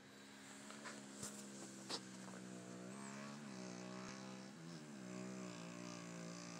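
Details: Adult woman asleep with a CPAP mask: continuous droning, buzzing hum with slight pitch shifts, loud mask noise all through the night.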